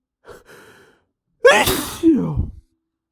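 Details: A male failing to hold back sneezes: a soft stifled breath, then a loud explosive sneeze with a sharp inhaled gasp before it.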